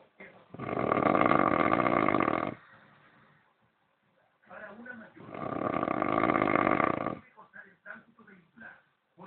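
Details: Snoring during sleep: two loud, rough, rattling breaths about five seconds apart, each around two seconds long, with quieter snuffling between; steady snoring.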